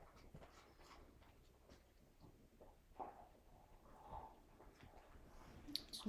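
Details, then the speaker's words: Abdominal exam on a patient lying with knees up: soft, irregular gurgles and clicks over a quiet abdomen, heard during auscultation as normal bowel sounds (expected five to thirty a minute). "here's some gurgling of the pillage Bell Signs were absent would also be significant of obstruction or no motility"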